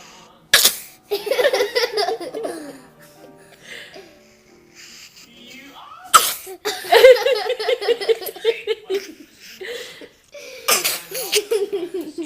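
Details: Three explosive sneezes, each followed by laughter and chatter, with music in the background; a bystander asks whether the sneezing is pretended.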